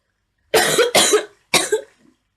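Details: Three quick, harsh coughs, two close together then one more, from a sick girl with a cough and runny nose, playing a game in bed.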